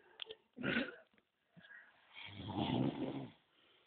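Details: Sleeping man snoring while being poked: two rough, rattling inhaled snores with low fluttering noise, separated by brief quiet, with background music.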